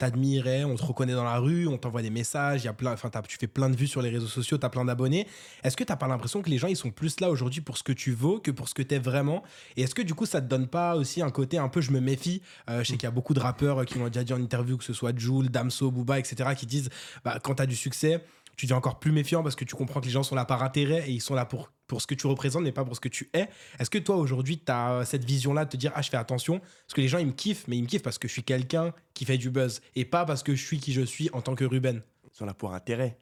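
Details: Adult male speaker, French interview; Normal fluent speech.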